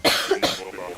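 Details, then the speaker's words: Person with a very bad cough coughing during a live stream, turned away from the microphone. "And if you are just dropping into stream, once again, I do still have a very bad cough, so I will be coughing during stream right now."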